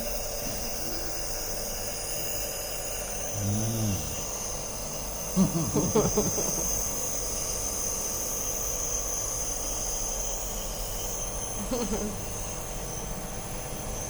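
Steady hissing hum of a running nebulizer, with a few brief voice-like or cough-like sounds over it.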